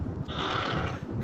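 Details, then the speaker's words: Recording from a sleep physician's own polysomnography: after about 39–40 seconds of very shallow, near-apneic breathing (hypopnea) with falling oxygen saturation, he rouses and breathing resumes as snoring, a recovery breath after obstructive sleep apnea. "처음 에는 잠시 동안 몸속 에 남아 있던 산소량 이 숨 을 멈추면서 떨어지기 시작 하고 , 몸 이 깨어나 다시 숨 을 쉬기 시작 하면 코골 이 소리 로 변합니다 ."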